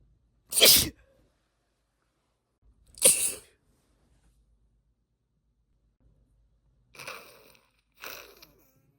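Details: Induced sneezes from a female who usually stifles sneezes: four sneezes, two loud, sharp explosive bursts then two softer ones, all hissing and forceful.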